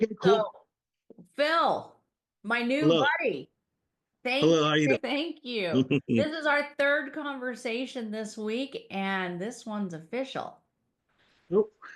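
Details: Adult woman speaking; normal speech.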